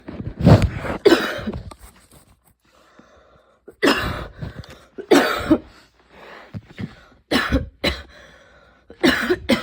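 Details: An evening coughing fit just before bed, more intense than the person's usual coughs, leaving them tired and overheated: repeated harsh cough bursts in clusters with short quiet gaps and breaths between.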